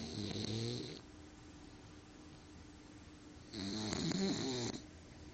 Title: LuLu the snoring Bulldog